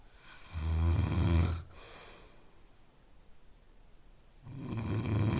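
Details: Snoring sound offered as a sleep aid: two deep, rumbling snores with a quiet pause between them.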